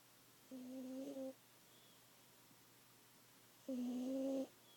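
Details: Two steady, humming snores, each under a second, separated by quiet, from a deeply sleeping cat that did not wake when a sock was thrown at it; loud cat snoring.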